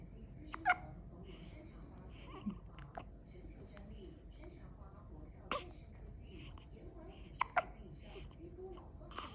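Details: Baby on day 28 of life with hiccups that won't stop: brief, sharp hiccup sounds at irregular intervals, about five over nine seconds, with steady room noise and faint baby sounds.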